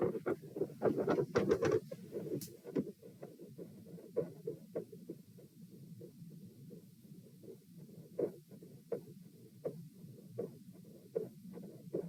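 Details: Quiet normal heart sounds recorded at position P with the subject lying supine, during a lie-sit-stand-lie stress test: after brief handling noise, faint regular heartbeats at about 72 a minute.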